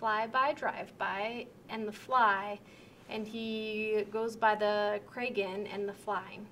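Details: Severe Wernicke's aphasia, an acquired language disorder, with impaired comprehension; the person has difficulty accurately answering simple questions. Wernicke's aphasia.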